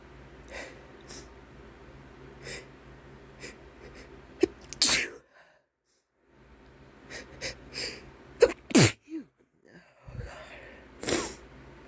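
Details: Male sneezing after taking chhinkni (sneeze-inducing snuff): several sharp, explosive sneezes with quick breaths and sniffs between them, split by a short silence.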